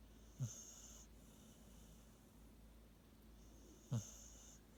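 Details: Sleeping Beagle dog: soft, whistling nasal breaths with a low snort on each breath, about two in five seconds; light snoring.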